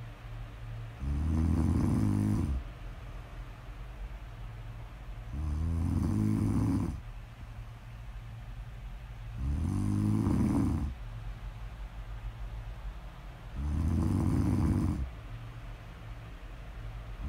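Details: Deep, rumbling snores in a slow rhythm, about 14 breaths a minute, with quiet pauses between; snoring during sleep, recorded as snore audio ASMR.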